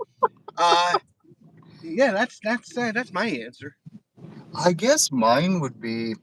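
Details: Adult male diagnosed with mild Tourette syndrome under 10 years ago, with a speech impediment since childhood plus eye and shoulder tics; neurologists say it is stress related; speech disfluency.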